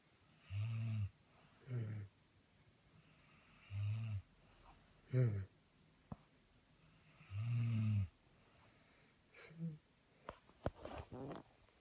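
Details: Deep, low, rumbling snores on each inhalation, with short whistling exhalations and quiet pauses between; ordinary snoring.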